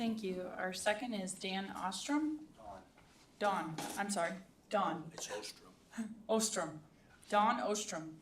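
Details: Adult woman speaking in a meeting room; ordinary speech.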